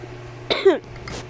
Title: Brookhaven check pls i am sick thats why i cough